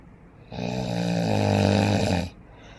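One long, loud, rough rattling snore lasting about two seconds: snoring.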